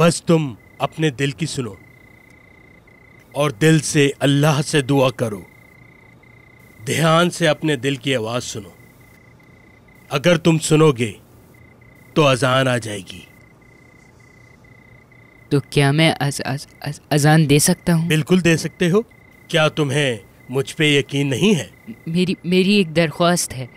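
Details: Male voices in dramatized dialogue, likely dubbed animation; ordinary speech.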